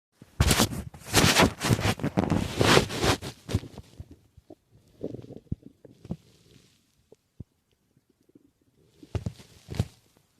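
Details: Loud rumbling and bubbling, then scattered small gurgles and pops, with some handling and background noise; stomach growling (borborygmi).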